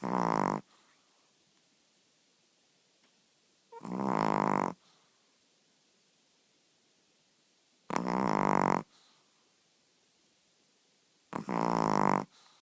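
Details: Old female chihuahua snoring during sleep, with eyes open. The snoring starts slowly like an old car starting, then grows louder and steady like a car without a muffler: loud, rattling, buzzy snores about every four seconds, roughly 15 a minute.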